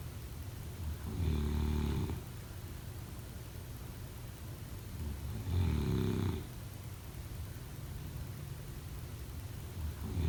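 Low, rattling snores on each in-breath, about 13 a minute, with quiet out-breaths in between; ordinary sleep snoring.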